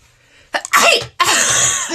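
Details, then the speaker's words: Sneezes induced on purpose by tickling the nose with a Q-tip while keeping the eyes open: a quick intake followed by two forceful, hissing sneeze bursts. "so i saw this challenge where you're supposed to make yourself sneeze using a q-tip but you have to keep your eyes open so i have a q-tip i'm going to make myself sneeze a few times"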